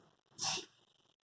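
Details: A single short, sharp, hissy burst of air through the nose, a sneeze, shown as a demonstration of how to sneeze at a school.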